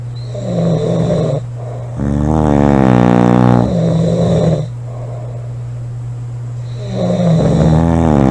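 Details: Two girls snoring together: loud, low rumbling snores overlapping from two sleepers, long vibrating inhaled snores alternating with noisy breaths out; heavy snoring.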